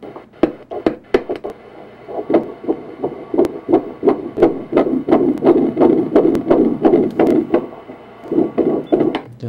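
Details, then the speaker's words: Rapid whooshing pulses about 170 a minute, like galloping hooves, on colour Doppler ultrasound: normal fetal heartbeat at about 9.8–10 weeks, crown-rump length 6.5 cm. "那弧形是心跳，心跳哦，没有，我还没有测多少，这个我用彩色。"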